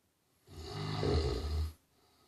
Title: Mister Ed snoring